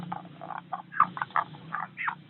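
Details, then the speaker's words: Chicken with ngorok (snoring respiratory disease), labored breathing as if something is stuck in the airway: short wet croaking clicks with each breath, respiratory rales. "ah satu contoh ayam ngorok ya dia bernapas kurang lancarnya kayak ada yang nyangkut"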